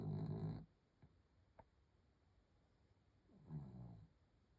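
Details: A dog snoring during sleep at night: two low, rumbling snores separated by quiet pauses and a couple of faint clicks.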